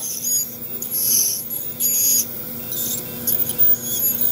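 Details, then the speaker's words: High-pitched hissing whine in on-off bursts from a water-cooled ultrasonic scaler removing tartar under the gum line of an anesthetized dog with early-stage periodontal disease and gingivitis. "but I'm going to take away all of the tartar from underneath the gum line with this ultrasonic scaler is a vibration"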